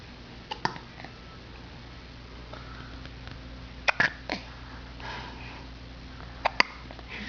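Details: Sharp, sudden gulping catches, some in quick pairs, over low room hum while the subject sits on a couch, then falls over into a front position; hiccups.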